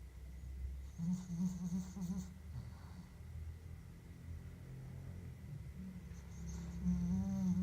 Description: Very cute snoring dachshund